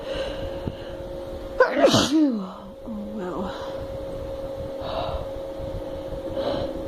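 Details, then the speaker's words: Female sneezing induced by snuff and a paper towel in a tickly, burning nose: a quick indrawn breath builds into one forceful voiced sneeze with a trailing exhale over a steady background hum. "still feel the burn so i'm guessing i could get some more sneezing out oh my god this is like my best video yet"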